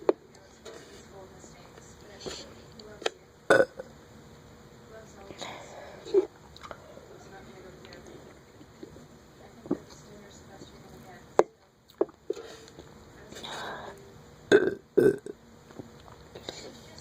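Several short, gulping belches are scattered through quiet room noise with some soft talk; repeated burping.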